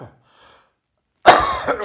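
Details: Cough after a heavy chest cold, with nose blowing: brief quiet breathing, then a loud harsh cough burst with a rough tail.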